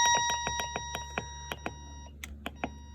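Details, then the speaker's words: Breas Vivo 65 home ventilator, alarm sound level adjustable up to highest level 9, about 85 decibels: steady electronic tone, then a run of short beeps and clicks during an alarm sound test; ventilator alarm tone. "but I can also change it to the highest level of 9, and the highest level is about 85 decibels."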